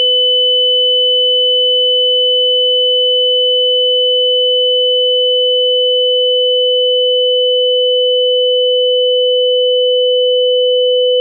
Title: Tinnitus